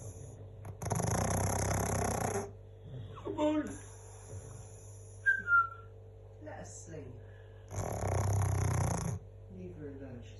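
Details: Pug snoring loudly: two loud, harsh, rattling snoring breaths with faint whistles and snuffles between, over steady room hum.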